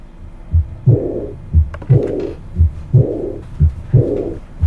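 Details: Aortic regurgitation murmur heard at the aortic focus, heartbeat near 58 per minute: a soft, blowing, aspirative, decrescendo early diastolic murmur after the second sound, from backflow into the left ventricle.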